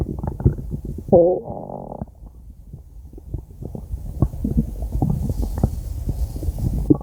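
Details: Jean-François's stomach growling, 5-minute recording: continuous low gurgling and rumbling with a brief squeaky, tonal growl; ordinary borborygmi.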